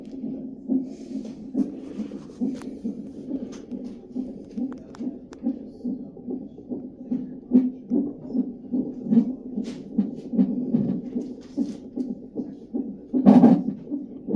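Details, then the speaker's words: Fetal heartbeat heard at a prenatal appointment in the second or third trimester, with the baby's movements also seen. "He did all his movements, heard his heart. I love that sound. That's my favorite thing."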